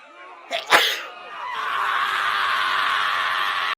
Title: this will happen when you sneeze in 2021 | corona virus vaccine #shorts